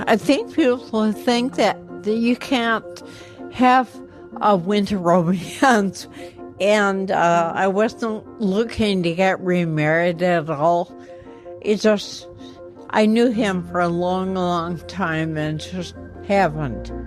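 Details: Ataxic dysarthria in a woman with ataxia affecting her motor skills and voice.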